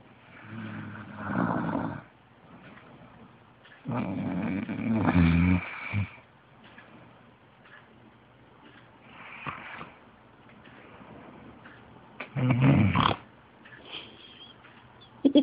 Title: snoring boyfriend